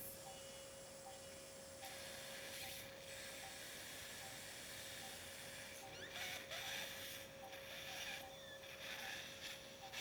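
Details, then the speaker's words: High-pitched drill whine with bursts of grinding hiss, drilling the last part of the petrous apex deep to the carotid. The patient is a 26-year-old male with hearing loss and facial palsy. "Now I'm drilling that the last part of the petus aex. I am drilling deep to carrot it."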